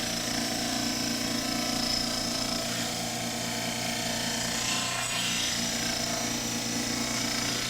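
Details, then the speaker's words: Dental cast trimmer, water on the blade, trimming a poured diagnostic plaster cast for complete dentures round while preserving the impression surface: steady motor hum with continuous rough grinding and scraping. "we trim it down on the C gas trimmer making sure that there's lots of water on that blade as we trim"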